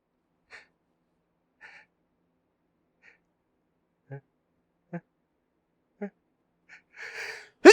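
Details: Big sneezes with hitching buildup while the person tries to talk and hold them back: short catching inhalations building up, ending in the loud onset of a sneeze.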